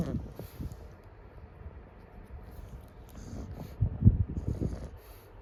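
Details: Pug snoring in sleep: quiet, low rumbling breaths with snorting bursts.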